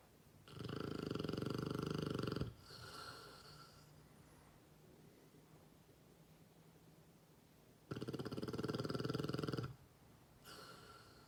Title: 7 month old Mastiff snoring